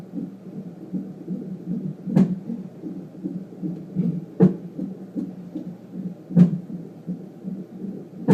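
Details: Hiccups in "my little thumper": soft rapid heartbeat whooshing broken by sharp jolts about every two seconds, hiccups heard over the heartbeat.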